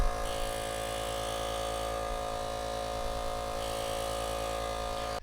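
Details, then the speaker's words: Philips Respironics nebulizer compressor running on test after teardown, tube attached; loud steady mechanical buzz with low rumble, muffled when sides covered; air holds some pressure. "It's pretty noisy device, actually. Oh, look at that. If you cover the sides, makes it muffled."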